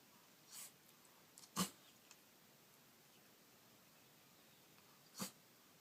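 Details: Three short, sharp sneezes from a black-and-white cat, spaced apart in a quiet room, from a year-long collection of the cat's sneezes.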